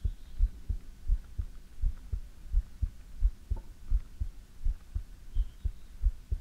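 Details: Steady, regular low lub-dub heartbeat at about 85 beats per minute recorded for ASMR, with nothing else noticeable.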